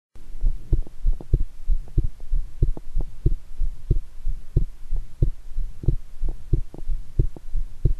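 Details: Strong, steady heart thumps at about 92 beats a minute, recorded after a shower and amid excitement: a forceful rapid heartbeat.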